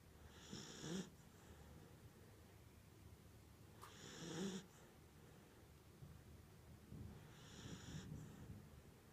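Quiet, slow breaths at about 17 a minute, each with a soft rattling, whistly snore: a sleeping pet snoring.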